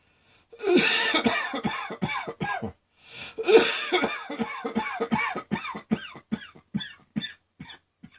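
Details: Midday coughing fit: two long runs of rapid, harsh coughs, about twenty in all, with barely a breath between; sounds like a heavy smoker, nearly coughing up a lung.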